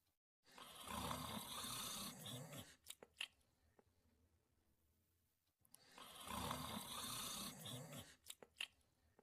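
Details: Sleeping dog (Jack): two long, noisy, rattling breaths about five seconds apart, each followed by small clicks and smacking sounds; snoring.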